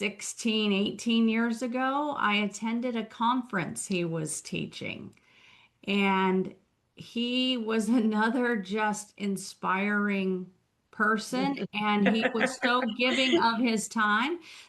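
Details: Adult woman; typical speech.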